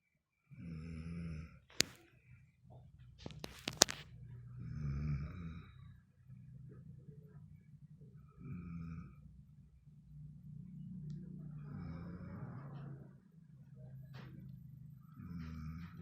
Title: Suara ngorok termerdu 😆